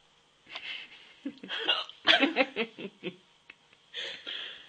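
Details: Person with hiccups: several short abrupt vocal catches in quick succession, mixed with breathy laughing sounds.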